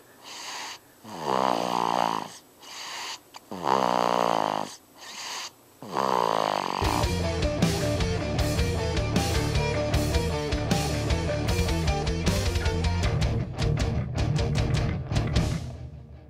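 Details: Infant boy about four weeks old (born 5 March 2012, recorded 1 April 2012), asleep, giving three loud, rattling, buzzy inspiratory snores over about six seconds before music takes over: infant snoring.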